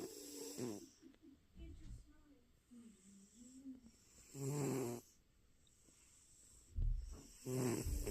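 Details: Male cat snoring while asleep after a long day at the vet getting stitches; soft, irregular rumbling snores with faint whistling breath noises between them.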